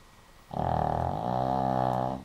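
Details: Dog named Benny giving one long, rumbling, buzzing snore during sleep, lasting under two seconds.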